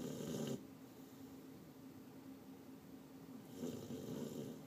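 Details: Gentle snoring from a deeply asleep female sleeper: soft, low, rumbling snores at the start and end, with quiet breathing between.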